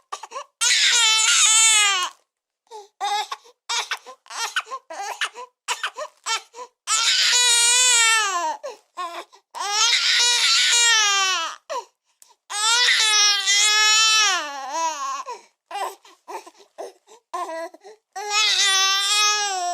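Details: Newborn baby crying hard: loud, high-pitched, sustained wails with gasping breaths between bursts; a normal vigorous newborn cry.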